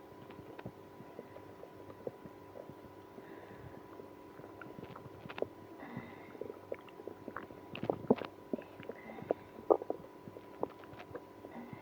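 Quiet, irregular gurgles and squeaky rumbles over a steady background hum; active bowel sounds, stomach growling.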